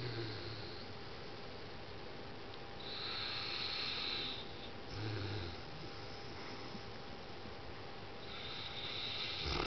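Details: A sleeping dog snoring, as usual for him: soft, low rumbling breaths with faint noisy bursts over steady room hum.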